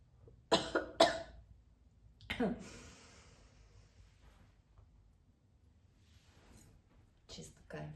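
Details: Mature woman smoking a strong cigarette: three or four harsh, forceful coughs with a rough, phlegmy edge and throat clearing, then quiet breathing; a real smoker's cough.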